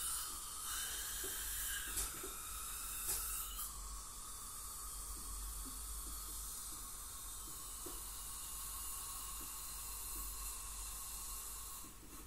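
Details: Professional teeth cleaning by a dental hygienist on a patient with heavy plaque and tartar, possibly scaling with gingival inflammation or full mouth debridement: steady high-pitched whine with hissing water spray and suction gurgle of ultrasonic dental scaling.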